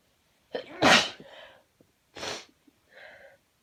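A loud explosive sneeze with a sharp inward breath before it, then a second shorter sneeze and a brief sniffle.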